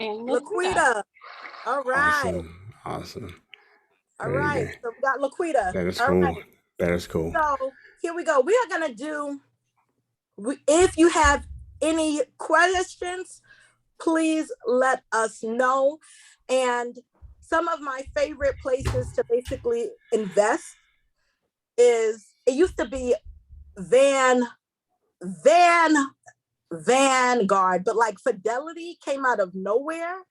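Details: Woman who identifies herself as a stutterer, with stuttering heard while hosting a seminar; she warns listeners she will stumble across words: stuttering.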